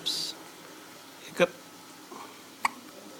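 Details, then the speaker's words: Baby's first hiccups: two brief, soft hiccup sounds a little over a second apart in a quiet room, with faint breath noise between. "She hiccup? She hiccuping, huh? Look at baby hiccup."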